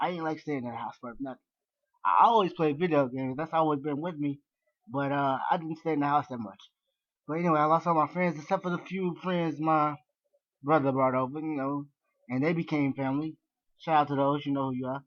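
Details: Adult man born with severe cerebral palsy, wheelchair- and bed-bound after many hip surgeries, who says he stumbles with his words; dysarthric speech in cerebral palsy.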